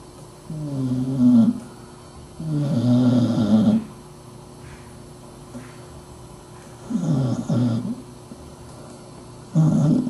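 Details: Sadie, a dachshund, sleeping under a desk: loud, rough, rumbling breaths recurring every few seconds, some with a whistling edge; snoring.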